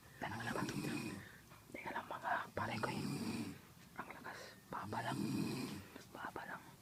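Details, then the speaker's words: A person heard snoring loudly while others play a video game: loud, rough, rattling snores in long bursts with short quieter gaps between them. "Hahanapin namin yung ung humihilik ang lakas dali dito malapit lalong lumalakas yung boses"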